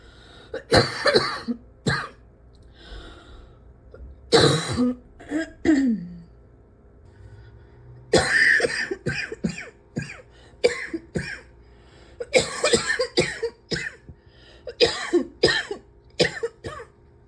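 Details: Someone who can't breathe without coughing: repeated bursts of harsh coughing in clusters with throat clearing between bouts; persistent cough.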